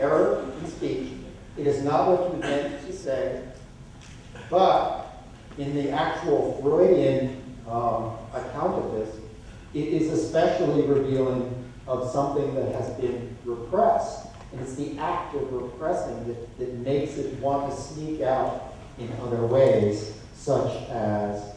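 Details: Adult male lecturer; typical speech.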